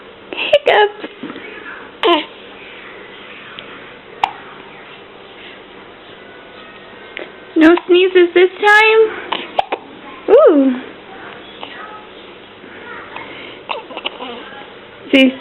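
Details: Person who frequently gets hiccups: several short, abrupt hiccup catches scattered among quiet voiced sounds, with faint background sound; sneezes were also mentioned.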